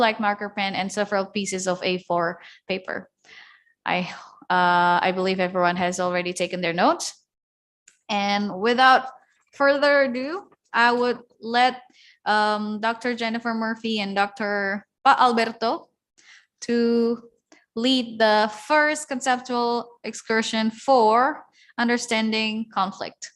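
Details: Adult woman speaking; normal voice.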